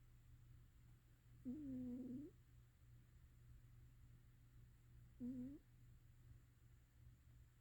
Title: Snoring